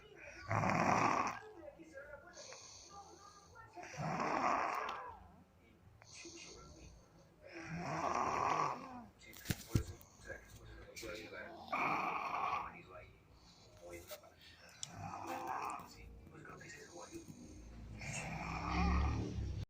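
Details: Snoring during sleep: loud, rattling snores on each breath in, about 17 a minute, with quiet pauses between; regular snoring.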